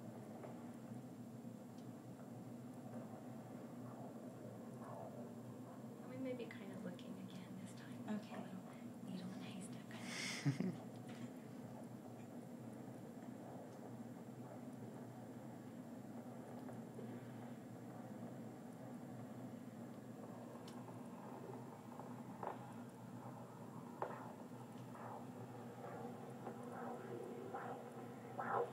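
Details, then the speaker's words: Fetal heartbeat on Doppler, heard for the first time: rapid, rhythmic whooshing pulse over steady static at about 170 to 180 beats a minute, described as perfect. "oh my gosh nice huh it's really fast oh goodness it sounds great it's the 170s to 180s range so it's really fast and perfect is perfect"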